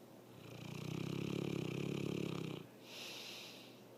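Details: A long, buzzing, purr-like snore on inhaling, then a softer breath out, from a sleeping cat whose snoring grows louder over time; loud snoring.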